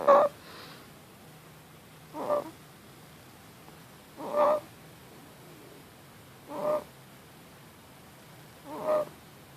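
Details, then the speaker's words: Four-and-a-half-month-old infant girl with noisy inspiratory breathing for about two weeks, getting louder; parent thinks it is stridor. Mild retractions, no respiratory distress. Five regular, harsh, slightly whistling inspiratory noises, about 27 breaths a minute, with quiet pauses. "this is medicine at four and a half months with the noisy breathing i think it's stridor"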